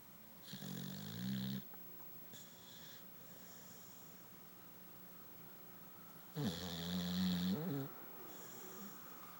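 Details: Sleeping pit bull dog: loud, low rattling snores with quiet pauses between breaths; snoring.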